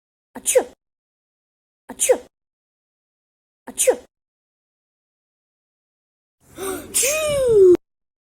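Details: Edited, repeated sneeze: three identical short sneeze bursts in a row, then a longer voiced sneeze that falls in pitch.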